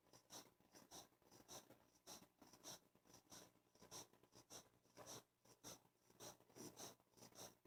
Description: My new 11 week old english bulldog puppy is stretched out on my bed snoring so loud.